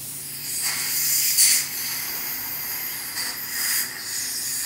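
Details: Child's dental cleaning: a steady high hiss with louder surges from the air-water spray and suction of the dental instruments.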